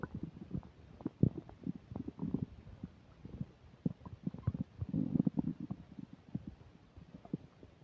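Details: Person with upset digestion eating a burger and fish fries: quiet, frequent low gurgles and bubbling pops, active bowel sounds (borborygmi) of digestion.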